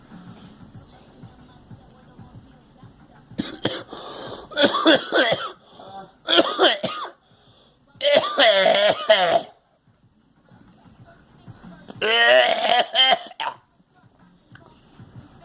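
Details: Several harsh, throaty cough bursts from a girl, some mixed with voiced, vocal sounds.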